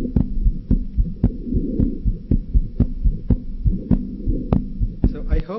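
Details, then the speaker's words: Child's heartbeat around 110 per minute with a soft, musical innocent Still's murmur that decreases when the child stands up; the child's breathing is also audible. "that you would agree with me that the heart murmur decreased when the child uh stood up this is what we refer to as a Still's murmur"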